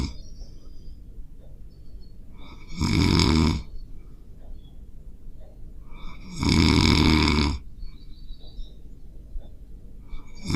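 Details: Sleeping dog: two loud, rough, rumbling breaths about 3.5 seconds apart with quiet breathing between, roughly 17 breaths a minute, keeping another dog awake; snoring.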